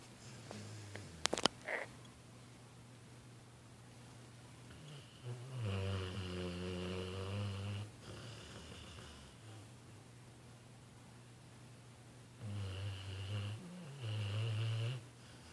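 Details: Tired male sleeping after New Year fireworks finally stopped, snoring: soft, low rumbling snores roughly every seven seconds over quiet room noise, brief rustle at start.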